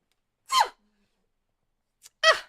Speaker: You heard me sneeze. Something up my nose.